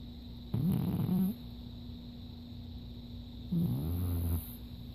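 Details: Adopted pet snoring loudly in sleep: two deep, rumbling, fluttery snores about three seconds apart over a steady background hum.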